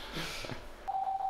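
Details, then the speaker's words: Surface EMG on the biceps during a physiotherapy neurological assessment: biofeedback tone sounding as the patient contracts the biceps. "yeah that's you Contracting your biceps my biceps my music yeah everyone's gonna know if you're tensing now"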